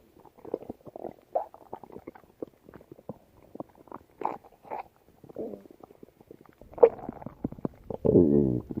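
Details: Late-night stomach growling: irregular gurgling and rumbling bowel sounds ending in a longer low growl; borborygmi.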